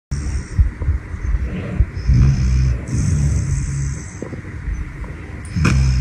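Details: Dog named Brownie snoring soon after falling asleep: low, rumbling snores with soft rattling on each breath.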